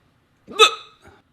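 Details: A man with ongoing hiccups while talking: a single sharp, voiced gulping 'hic' with a brief throaty tail.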